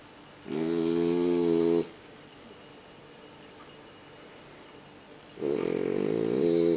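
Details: French Bulldog snoring while asleep in bed: two loud, buzzy, rattling snores, each about a second long, separated by several seconds of quiet breathing.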